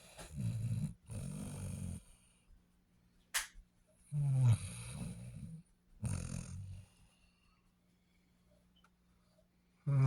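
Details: Sleeping Basset Hound dog; low rumbling snores in short runs, about four bursts over ten seconds, separated by quiet breathing pauses; snoring.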